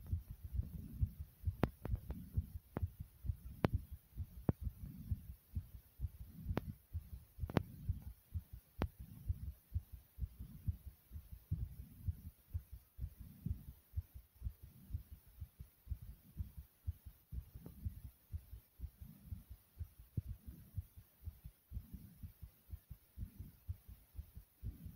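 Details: Own heartbeat recorded for one minute while tired: rapid low thumps at about 130 a minute, a fast heart rate consistent with tachycardia.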